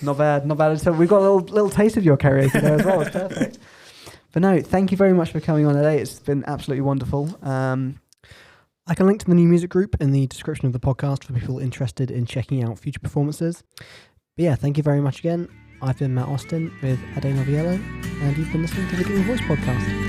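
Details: Adult male speaker (podcast host); normal fluent speech.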